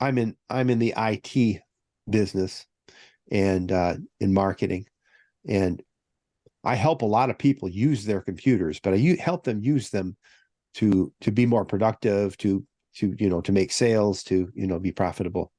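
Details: Adult man speaking; healthy speaker.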